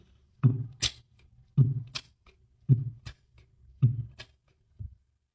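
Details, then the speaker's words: Metallic click of a mechanical aortic valve replacement on cardiac auscultation, mentioned for the left parasternal area: slow heart sounds, each beat ending in a sharp metallic click. "أو الميتاليك كليك أوف مايترال فالف أو أورتك فالف ريبليسمنت."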